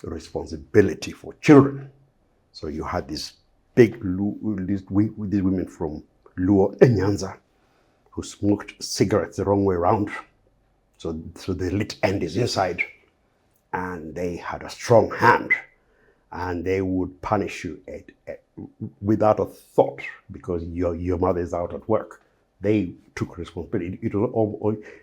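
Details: Adult Kenyan man with a lifelong stammer, described by the host as clearly audible; his father had a milder stammer, as did a couple of cousins; stammering (stuttering).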